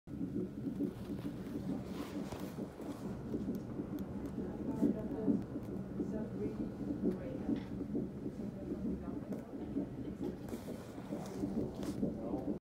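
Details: Rapid rhythmic whooshing pulses at about 133 a minute, consistent with a fetal heartbeat on Doppler, recorded March 28.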